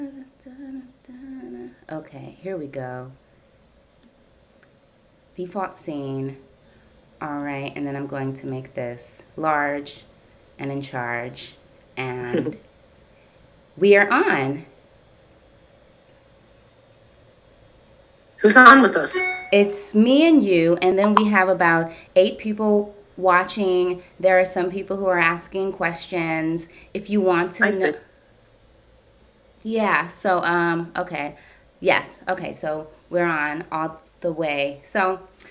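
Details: Adult woman who stutters, in ongoing therapy with a speech pathologist that has gradually helped her speech; blocks usually silent, with word repetitions; stuttering.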